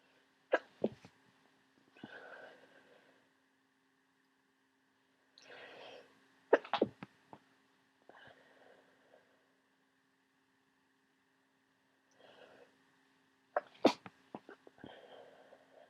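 About three sneezes, each preceded by a noisy inhalation, with a steady background hum; a run of repeated sneezing.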